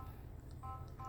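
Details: Two short electronic keypad tones from an infusion pump being programmed to deliver labour-induction medication, over low room hum: infusion pump keypad beeps.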